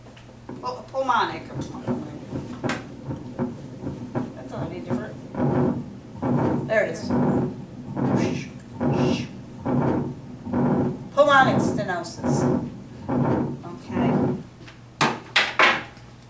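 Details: Regular whooshing beats at about 70 a minute, a pulmonary stenosis murmur played as a teaching recording in a heart and lung lab.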